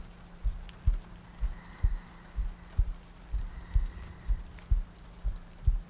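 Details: Sleep-aid ASMR loop with soft breathing and rain ambience: steady, soft low thumps at about 62 beats a minute with a faint hum and rain-like hiss behind; a regular heartbeat.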